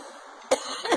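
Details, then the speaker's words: Man who had just had a very violent coughing fit and believes he coughed up fibers from his lungs; two short, harsh cough bursts in quick succession while he apologizes he can't stop coughing. "yeah I'm sorry about my cough I can't stop"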